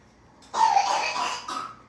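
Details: A sick child with a bad cough: one harsh, drawn-out cough followed by a shorter second cough in a quiet room.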